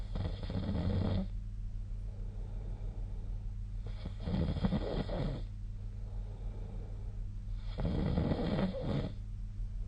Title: 🐽 本日のイビキ / Snoring Sleep Sound 2025/02/12